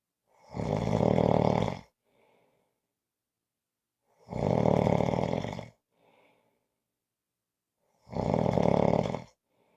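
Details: Loud, rough rattling snores on each in-breath with quiet out-breaths between, about every four seconds (roughly fifteen a minute); snoring.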